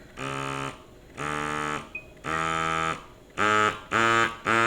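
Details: Medela Freestyle Flex electric breast pump motor running with the pump detached, increasing suction level in massage mode before automatic shift to expression mode: rhythmic buzzing motor pulses about half a second each, growing louder and quicker as suction increases.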